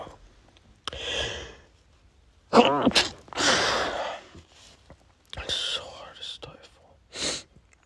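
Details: Adult male with pollen allergy, nose burning, unable to go outside: repeated forceful allergic sneezes with gasps, snorts and moaning between them; a sneezing fit.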